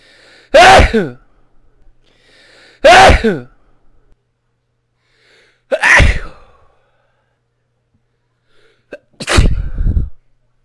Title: Powerful Sneezes